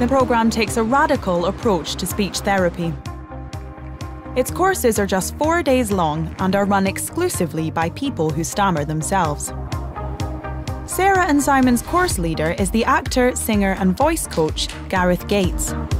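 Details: Adult female narrator; normal fluent speech.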